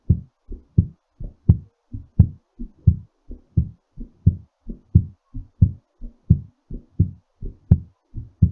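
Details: Normal heartbeat during recovery after exercise: steady, strong low thumps at about 87 beats a minute, slowing.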